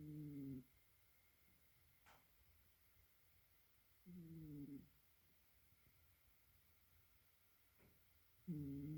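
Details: Sleeping cat snoring with low, buzzy snores in bursts about every four seconds (roughly 14 a minute) and quiet pauses between; ordinary sleep snoring.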